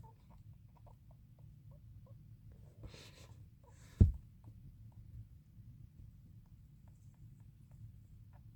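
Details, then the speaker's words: Sick female pet hamster, owner suspects a cold, active and eating: faint repeated soft clicking and wheezing breath sounds with brief noisy bursts over low room hum; wheezed heavily the night before. Respiratory clicking. "all right this is my hamster it's Tuesday morning she's got a cold or something she's sick probably here wheezing or clicking"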